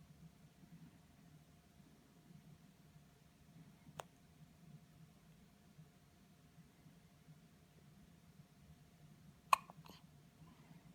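Two brief, sharp hiccup sounds over quiet room noise, several seconds apart.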